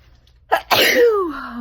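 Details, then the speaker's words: Single ordinary sneeze after long urge: sharp inhaled catch, then a loud voiced sneeze trailing into a falling vocal tail. "Finally. I've needed to sneeze for so long. I have to sneeze."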